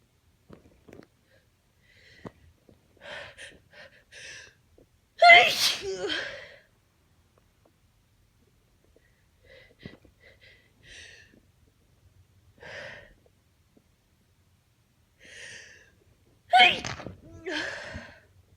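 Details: Two forceful allergy sneezes, each led by soft catching breaths with quiet gaps between, in a tired person suffering severe allergies despite taking antihistamines.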